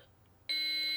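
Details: Child AED training demonstration with pediatric pads placed on the right upper chest and left mid-axillary line: a steady, high-pitched electronic tone starting abruptly, the alert that a shock is ready and no one should touch the patient.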